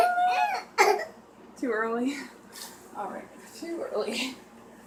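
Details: A young child coughing on her birthday, with a few harsh cough bursts and high-pitched, strained voiced sounds: whooping cough (pertussis).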